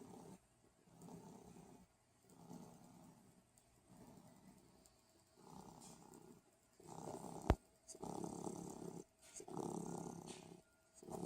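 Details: Soft, low rumbling sounds recurring with each breath during sleep, some louder near the end: quiet snoring.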